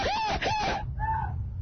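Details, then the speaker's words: A woman's loud, high-pitched squealing hiccups, three bursts in quick succession, persisting for 8 months since June 2006 and worsening after she overheated; chronic intractable hiccups. "So for 8 months, this South Side woman's hiccups have not... Oh, for Christ's sake. Does she do that in her sleep? This is very loud. It used to be just regular hiccups. Now they're anything but regular."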